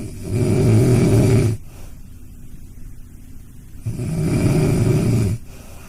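Two loud, low rumbling snores on inhalation with quiet breathing between; ordinary snoring in a sleeping dog.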